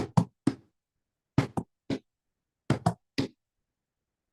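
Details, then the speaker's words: Vocal imitation, not a real recording, of a three-beat gallop rhythm, S1-S2-S3, said to sound like a galloping horse: S3 gallop, third heart sound. "S3 is the third heart sound. So, I'll go S1, S2, S3, S1, S2, S3, S1, S2, S3. It kind of sounds like a gallop, like a horse."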